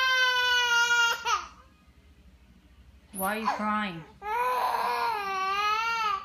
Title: Cry baby lol